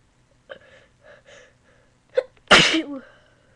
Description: Me trying not 2 sneeze but failing